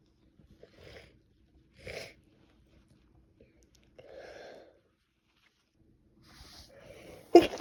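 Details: Woman with a cold sneezing: several soft, breathy catches building up, ending in one sharp sneeze burst.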